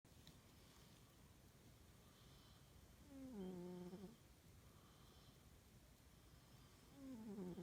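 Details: Small cat asleep after chasing birds in the backyard: soft, rough breaths with a squeaky, tonal rise on some breaths, about 16 a minute, in a quiet room; snoring.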